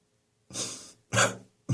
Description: My bronchitis is getting better now - no antibiotics this time - but I still have a residual chesty cough, especially first thing in the morning.